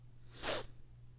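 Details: Single short, sharp sneeze over a low steady background hum, from a person with a sinus infection, itchy watery eyes and a sensitive nose after dog sitting, a dusty room and high pollen counts.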